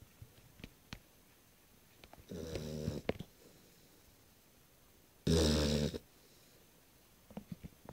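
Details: Beagle on its first night home, sleeping: two loud, buzzing snores each under a second in a quiet room; snoring.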